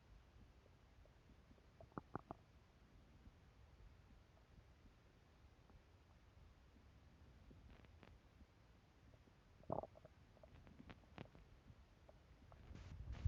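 Quiet low gurgles and brief bubbling rumbles over a soft background hiss, typical of hunger-related stomach rumbling.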